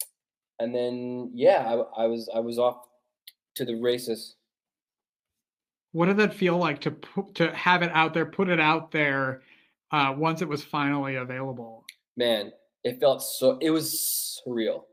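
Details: Adult man who has stuttered since childhood, speaking English; stuttering.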